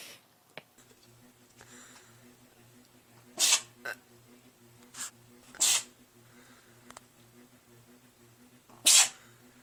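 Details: Cat or dog in a sneezing and yawning animal compilation: several short, sharp sneezes in a quiet room with a faint steady hum. Animal sneezing.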